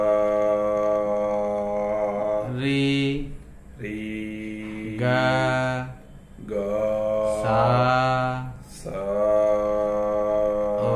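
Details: Male voice after voice therapy for puberphonia with pitch breaks and high-pitched voice; improved, normalized male voice after puberphonia therapy.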